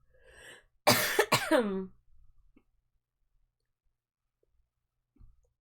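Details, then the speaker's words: Streamer recovering from an illness over the past two days, now mostly better, gives random coughs while talking: cough. "You will hear random coughs tonight. But I promise I'm doing much better."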